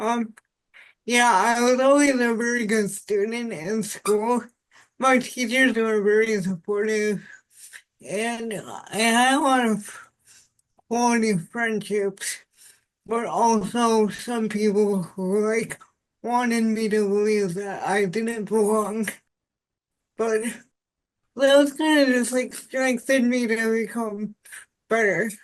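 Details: Dysarthria in an adult woman with spastic quadriplegic cerebral palsy since birth; she says voice assistants fail to recognize her speech and she takes part in speech-technology accessibility studies.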